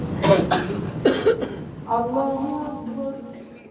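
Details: Congregation members coughing during the imam's maghrib prayer recitation at a hotel prayer hall in Mecca: several short coughs from people nearby, followed by a man's chanted recitation.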